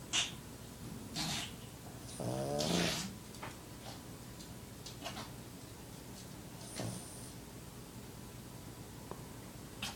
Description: Just a little video of my best pal, and pug, Otis having a little snooze.